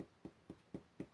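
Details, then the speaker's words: Percussion of the upper abdomen between the epigastrium and left hypochondrium (Traube's space), giving a much clearer, very hollow hypertympanic note than the adjacent merely tympanic area. "Acá está por ejemplo escuchan eso no sé si se en el video del sonido Pero se escucha un sonido mucho más claro como mucho más hueco"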